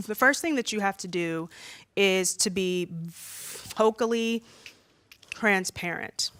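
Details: Stuttering in an adult woman who says she stutters far more when nervous, as when presenting in front of a room full of people.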